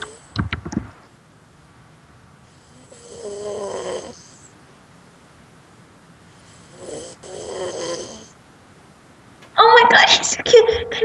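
Two rough, rattling breaths in a quiet room, then a louder noisy burst; snoring during sleep.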